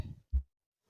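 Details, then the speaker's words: Normal second heart sound (S2): a single short, low-pitched 'dub' thump. "اما الصوت الثاني ذا سك هارت ساوند فيه نسمع صوت ضب ضب ساوند ويتم اختصاره با اس"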